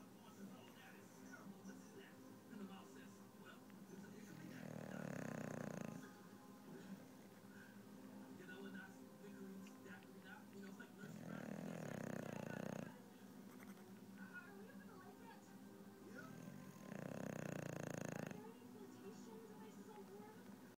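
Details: Sleeping English Bulldog snoring loudly and regularly, about ten deep rumbling snores a minute, with a television in the background.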